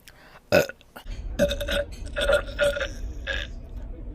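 Several loud, drawn-out guttural burps in a row, with faint talk and music behind: belching.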